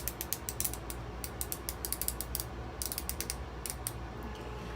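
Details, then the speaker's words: Rapid ratcheting clicks in bursts over low room hum as a nurse dials a fertility-drug injection pen up to a 300 dose during an egg-freezing injection demonstration, not actually injected; injection pen dose dial clicking. "okay and then to dial it up we dial up to the 300 or whatever your dose would be okay okay"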